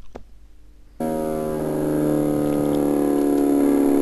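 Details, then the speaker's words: Complex repetitive discharges on EMG, discussed in myopathy (often myositis) and chronic neurogenic conditions: abrupt onset and stop, time-locked muscle fiber groups firing at a very regular rate, giving a steady machine-like buzzing after a click. "They start abruptly, they end abruptly. They consist of groups of muscle fibers that are time-locked to each other and firing with a very regular rate, and has a very characteristic sound like this."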